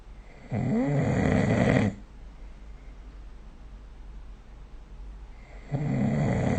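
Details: Loud, rattling snores on breathing in with quiet gaps between, recorded during sleep with the SnoreLab app; adult snoring.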